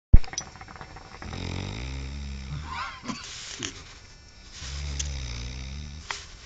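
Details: A man snoring while onlookers laugh and clap; snoring.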